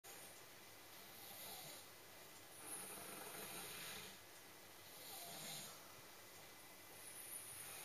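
Soft, airy snoring from a sleeping dog, slow breath-by-breath rises in hissing noise against steady room hum.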